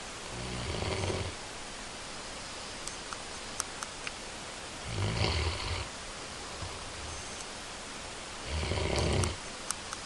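Three rumbling snores about every four seconds, with steady background hiss and a few faint clicks.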